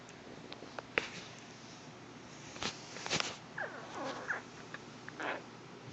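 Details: Brief squeaky, gliding gurgles and soft pops from a pet's belly, gut sounds from gas and fluid moving: borborygmi (stomach gurgling).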